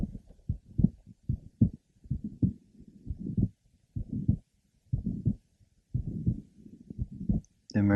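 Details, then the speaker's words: 30-year-old asymptomatic nurse, previously diagnosed with congenital valvular pulmonic stenosis, with mitral valve prolapse, heard at the third left sternal border: heartbeat near 70/min, several clicks and a mid-to-late systolic murmur on squatting. "first we will listen over the third Le sternal water note mid systolic merma with several clicks"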